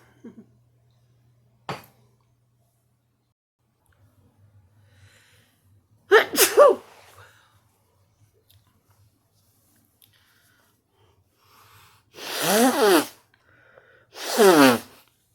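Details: Three loud, explosive sneezes in a quiet room, separated by silence, from an adult during a morning routine that includes sore throat spray and an inhaler; nose blowing follows. Ordinary sneezing.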